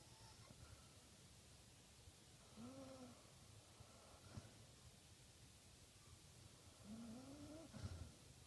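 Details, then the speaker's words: Snoring from a sleeping Basset Hound with a heart murmur and congestive heart failure: two soft, whistling, rising snores about four seconds apart over quiet room noise. "This little guy has a heart murmur and congenitive heart failure. So the sound of that snore is music to my ears."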